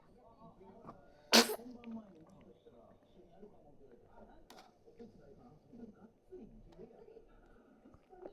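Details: Baby sneezing while sitting in a throne-like seat: a single sharp infant sneeze followed by soft babbling and quiet room sounds.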